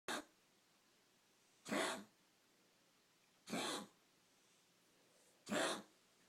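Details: Dog named Chico having a coughing spell: four harsh, dry coughs roughly two seconds apart in a quiet room.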